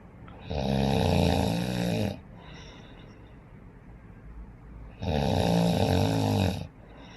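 Two loud, rattling snores on inhalation with quiet breathing out between them: snoring.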